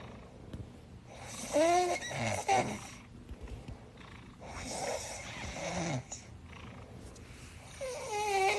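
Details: Sleeping cat snoring loudly: rattling breaths in a slow, regular rhythm with squeaky, whistling nasal tones, about three breaths heard.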